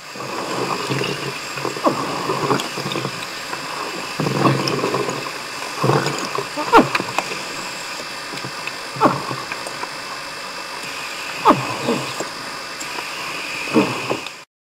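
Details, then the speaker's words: Technical diver underwater on a rebreather, manually flushing gas for a perceived carbon dioxide problem; labored breathing with repeated harsh coughing exhalations over gas hissing and bubbling; severe dyspnoea in diving respiratory failure. "so did you hear the coughing exhalations"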